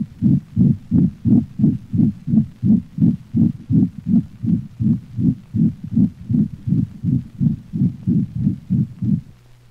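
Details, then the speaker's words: Dog with congenital pulmonic stenosis: rapid, regular heartbeat with a loud, musical, high-frequency crescendo-decrescendo (diamond-shaped) systolic murmur peaking late in systole. It is heard best at the cranial left ventral thorax and may obscure other heart sounds. "the murmur associated with pulmonic stenosis is a musical sound that builds in intensity until late systole and then diminishes for this reason it has been called a crescendo decrescendo or diamond-shaped murmur"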